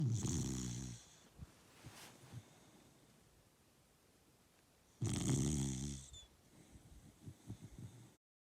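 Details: Loud rattling snoring from a person sleeping at an outdoor campsite while hiking the Appalachian Trail in 2024; two snores about four seconds apart, with quiet breathing and faint outdoor noise between them.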